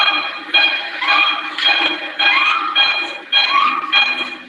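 A small dog gives a rapid run of about seven harsh, honking coughs: the goose-honk cough of tracheal collapse.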